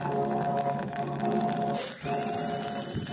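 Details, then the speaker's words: Steady electrical suction hum, then a high, thin rising whine as the turbine handpiece of a TAOS800L dental chair spins up with water spray, showing the electrical suction at work. "so I I threw the water here and see the the section how does work by efficient and even I use the turbine"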